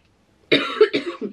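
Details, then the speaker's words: Adult woman with a sensation of something stuck in her throat for days, recently on cortisone, gives a short burst of three or four harsh coughs. "Je sais pas, j'ai l'impression que j'ai un truc dans la gorge et genre je commence à tousser,"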